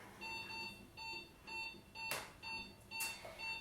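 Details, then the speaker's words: Anesthesia monitor beeping steadily, roughly 125 a minute, tracking the strong, regular heartbeat of an anesthetized dog before surgical removal of lumps, with esophageal probe monitoring temperature, pulse and respiration. "so that beeping we we come to love that beeping it's a nice strong heart"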